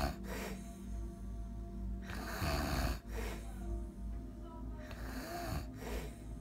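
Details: A client snoring while asleep during a spa facial: rough, rattling snores recur with each breath over soft background music.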